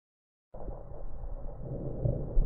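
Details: Normal lung sounds through a stethoscope: soft, low rustling airflow with no added crackles or wheeze.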